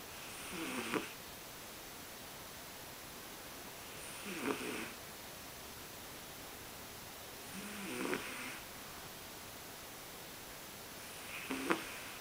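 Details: Asleep in a quiet room: soft, rough breathing noises recurring about every 3.5 seconds, roughly 17 a minute; light snoring during sleep.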